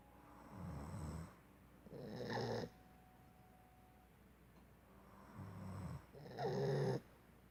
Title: Snoring